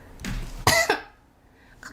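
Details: Single short, harsh, throaty cough from an ill adult woman, unwell since the previous evening, told by a doctor not to talk for 3–5 days, given an IV drip; cough.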